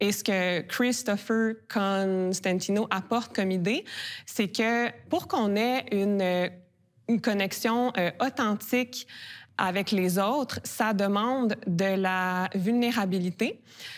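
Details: Adult woman who stutters, with a mild word repetition heard; stuttering.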